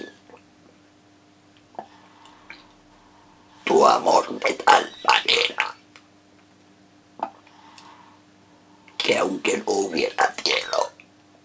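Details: Esophageal voice produced while reciting a sonnet as an esophageal voice exercise.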